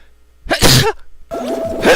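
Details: Repeated sneezes from an adult man.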